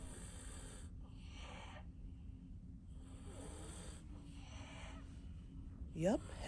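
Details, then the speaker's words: Light snoring from two young boys fast asleep in a cruise ship stateroom: soft, rough breaths every second or two under a steady room hum, with a brief squeak at the end. "breathing also known as light snoring my boys so yes AJ and LJ are fast asleep"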